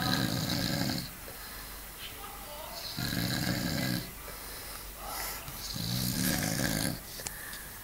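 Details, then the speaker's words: Loud, coarse, rumbling snores repeating about every three seconds, with a brief snort between, from a sleeper keeping others awake as they try to sleep; snoring. "Look at the horse trying to sleep here and the fucking snore together. Even fucking Stevie's struggling to sleep here."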